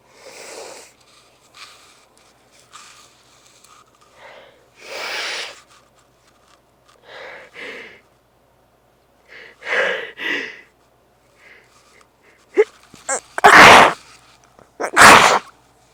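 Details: Sniffs and short nasal bursts building to two forceful sneezes: a sneezing fit in a congested person, less than an hour after an earlier intense fit left the nose very sensitive.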